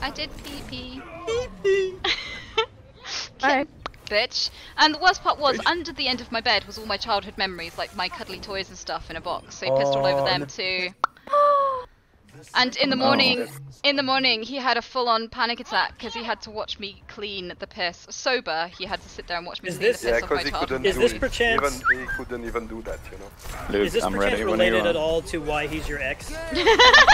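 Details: Tourette syndrome vocal tics, involuntary inappropriate phrases, in a female streamer while she plays a video game.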